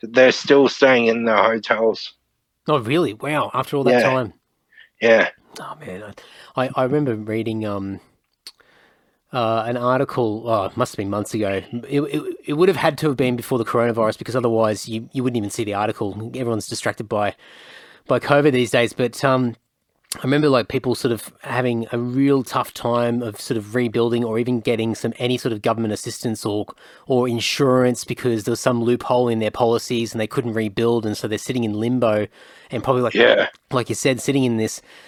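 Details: Adult man speaking; typical speech.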